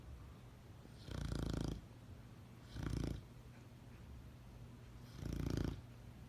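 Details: Dog snoring like a grown man: three rumbling, vibrating snores in a slow, steady rhythm, each lasting under a second.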